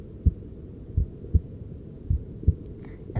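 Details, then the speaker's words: Adult male patient's heart heard with a handheld device after finishing cosmetic injections, relaxed at about 50 to 60 beats per minute with settled breathing; normal slow heart sounds at rest. "I can feel our beautiful models heart rate starting to go down and it's about 50 to 60 beats per minute so you have survived your heart has relaxed"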